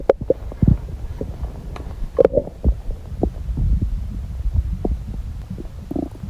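Irregular low gurgles, churning rumbles and short pops from an adult belly: active bowel sounds.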